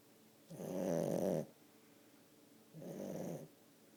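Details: Two loud, rough, rattling snores about a second long with a quiet pause between, from a sleeping 10-month-old French bulldog in a small quiet room.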